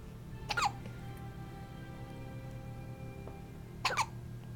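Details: Newborn girl on day 6 of life with frequent hiccups: two brief, sharp, squeaky hiccups about three seconds apart over faint background music.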